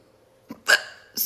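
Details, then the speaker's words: Two short, abrupt hiccups, each a quick throaty catch, in a quiet room, from an adult with recurrent hiccups trying a HiccAway straw on the adult setting; hiccups reportedly stopped afterwards. "So, and then you put it in here and you just drink water through this straw and your hiccups will go away"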